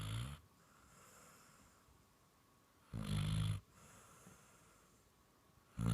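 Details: Dog out cold and sleeping very hard, snoring like a person: deep, rattling snores in bursts about three seconds apart with quiet breathing between; snoring.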